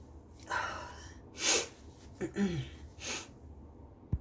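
A gasping intake is followed by two loud explosive sneezes, then a wet nose blow. A double sneeze.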